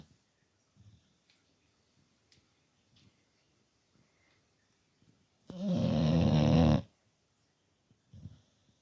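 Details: Bulldog Teddy snoring while fast asleep: one long, loud, rattling snore with faint snuffling breaths before and after.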